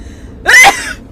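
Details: A single quick, sharp sneeze with a short voiced burst from a member of the K-pop group Gfriend, over faint room noise.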